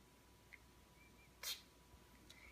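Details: A single short, sharp puff of air in a quiet room, a small sneeze from a puppy during a chiropractic adjustment.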